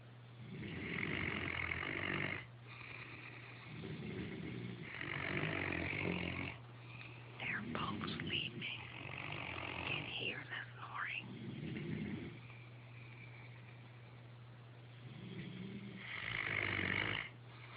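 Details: Snoring during sleep recorded on a phone; rough, rattling breathing noises in repeated bursts, some with a whistling edge.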